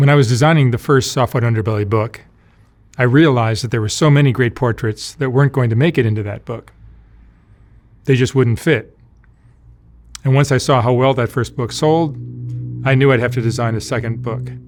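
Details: Adult man narrating; Normal adult speech.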